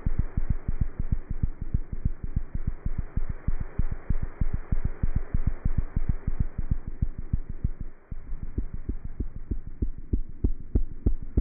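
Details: Cat heart sounds heard through a stethoscope.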